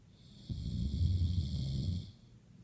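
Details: One low, rumbling snore of about a second and a half with a faint high whistle over it: snoring.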